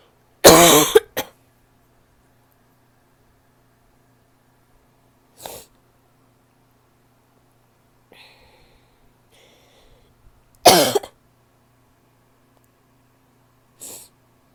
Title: barky cough (f)